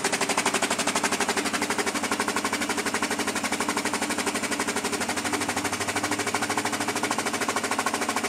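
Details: High-frequency oscillatory ventilator running on a test lung at high frequency with mean airway pressure about 18 cmH2O; loud, fast, steady rattling buzz of about four pulses a second.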